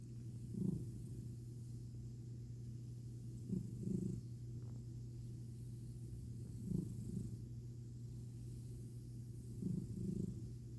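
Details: Sleeping cat snoring during tummy time with belly petting: soft, low snoring breaths, about four breath cycles in ten seconds, in a quiet room with a steady hum.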